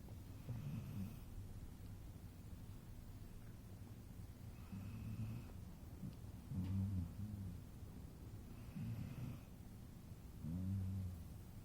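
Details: Dog sleeping on a couch: soft low rumbling snores with snorting breaths at an uneven rhythm, about 15 a minute, against steady room hum; snoring.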